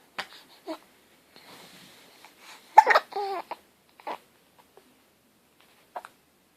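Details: Infant (baby boy) hiccups: brief, abrupt vocal catches recurring every one to two seconds, about five in total.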